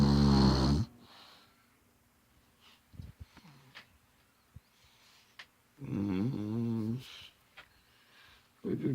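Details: Grandfather snoring in sleep: two loud, buzzing snores separated by a quiet pause with faint clicks and small breath noises.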